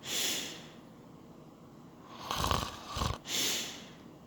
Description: Watch my man sleeping with the nose plug..it OBVIOUSLY does NOT work.